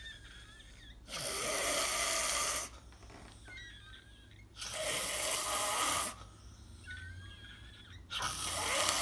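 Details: Person snoring in their sleep: loud, harsh, rasping snores on each breath, about three in nine seconds, with quiet pauses between.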